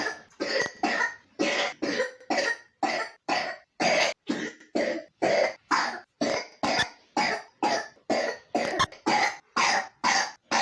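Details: About twenty short, harsh, slightly wet and raspy coughs in steady repeated fits from a 3-year-old child with pneumonia; a persistent wet cough.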